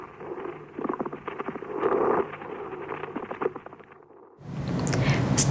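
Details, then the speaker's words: Child's chest through a stethoscope, pediatric teaching example: coarse creaking, grating sounds on inspiration and expiration, vanishing on breath-holding, unchanged by coughing: pleural friction rub. "Исчезает при задержке дыхания. Шум может выслушиваться при имитации дыхания и может изменяться при надавливании фонандоскопом и наклоне в здоровую сторону, тогда как кашель, глубокое дыхание, напротив, не изменяют интенсивность этого шума."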